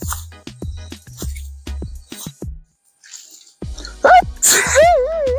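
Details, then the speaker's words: Comic, deliberately performed sneezes demonstrating different funny styles of sneezing: a string of short, sharp sneeze-like bursts over background music and laughter. "so guys I'm here to show you guys how how we Nigerians sneeze we have different ways of sneezing"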